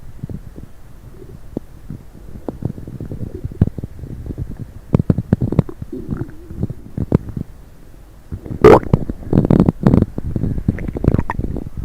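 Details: Stomach noise after drinking coffee and diet coke: low gurgles, pops and bubbling rumbles from the belly building toward the end, ordinary bowel sounds (borborygmi).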